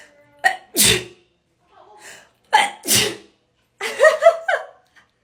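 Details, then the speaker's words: Self-administered COVID-19 nasal swab test: two sharp sneezes, each preceded by a quick in-breath, then brief laughing speech; swab-induced sneezing. "swirl it in here for 30 seconds every time i do that it makes me sneeze oh oh my gosh and then squeeze this bye"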